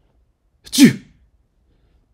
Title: Sneezing sounds (1 hour)